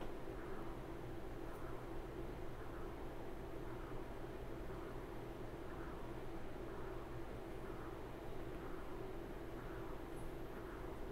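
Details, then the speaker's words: Transcranial Doppler bubble test for PFO after saline injection, fist pumping and Valsalva (bear down): steady whooshing flow pulsing with each heartbeat, no bubble chirps; negative, no bubbles reached the brain at 30 seconds. "This was a negative uh PFO test because we did not see any bubbles uh arriving to the brain at 30 seconds."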